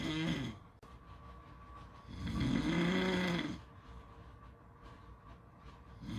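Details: Slow, loud, rattling snores on each breath in, with quieter breathing out between them, against steady background noise, possibly at a beach; snoring.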